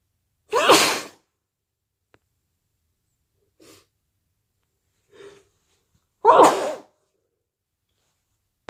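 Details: Day 2 of a cold: two loud, explosive sneezes, each preceded by a quick breath in, with soft breaths and sniffs between them.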